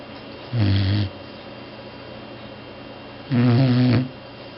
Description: DoyDoy snores so loud that he is banished from the master bedroom. He can cut some pretty serious ZZZZZs when he is tired.